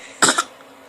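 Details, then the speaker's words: A baby girl gives a short, deliberate double fake cough to get attention and be picked up, not an illness cough: a voluntary cough. "oh you think if you cough I'll pick you up is that what you're going for"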